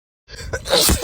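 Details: Woman sneezing on camera: a quick inhaled build-up followed by a single forceful, explosive sneeze.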